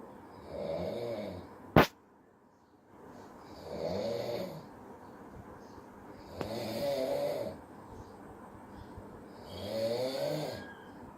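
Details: A sleeping father snoring, with regular rattling snores about every three seconds, four in the clip, roughly 20 breaths a minute, and a sharp click in between: snoring.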